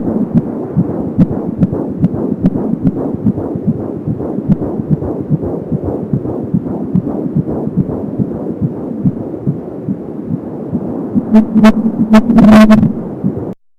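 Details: Fetal heartbeat at 20 weeks of pregnancy heard with an Angel Sound home fetal Doppler: rapid, regular galloping beat at 170 per minute, with a whooshing umbilical cord sound.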